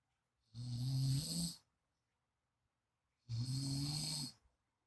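Two long, low rattling snores about three seconds apart, with silence between; snoring during sleep.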